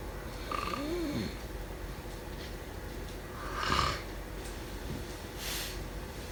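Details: Snoring.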